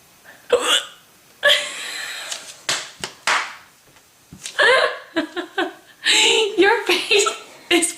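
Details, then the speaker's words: Several loud, abrupt hiccups with sharp voiced catches, one followed by a burp; light laughter and chatter around them. "oh they're still there dude you don't like my hiccups they have a funny noise"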